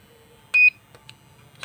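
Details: A single short, high electronic beep as the intensity of a US Pro 1000 3rd Edition portable 1 MHz therapeutic ultrasound unit is set, then quiet with faint clicks.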